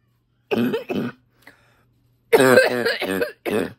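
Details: Congested barking cough, recently more congested, with suspected allergies: harsh, voiced, barking coughs, about six in two bouts.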